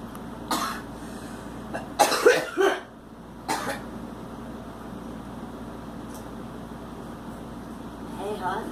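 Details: Girl gives about five short, dry coughs, three close together, over steady background hum and faint voices; a plain cough.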